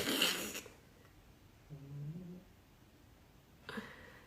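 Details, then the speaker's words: A single soft, low, buzzing snore from a sleeping pet cat, framed by brief rustling noises; snoring. "Oh, isn't that great? That is my kitty cat snoring if you're new. We love that sound here."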